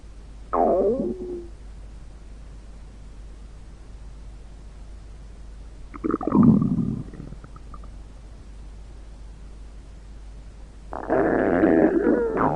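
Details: Stomach growling in audio altered with a Weatherradio Canada CRS-style effect: three brief gurgling rumbles over a steady hiss.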